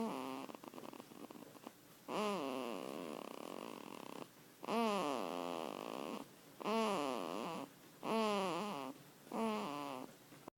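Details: Snoring at 5 weeks old: repeated rough, pitched snoring sounds, about five in ten seconds, each a buzzing breath with quiet gaps between.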